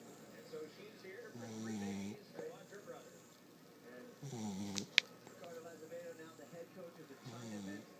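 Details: A sleeping puggle (pug-beagle dog) snoring: regular rumbling snores roughly every three seconds, with quiet breathing between them.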